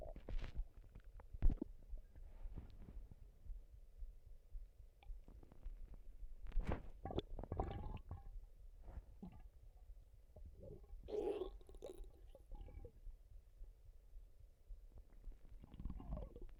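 Quiet low gurgles and squelches come and go against a faint background hiss, typical of ordinary stomach rumbling.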